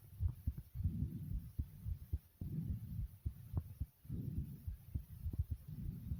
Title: My Heartbeat Recording ❤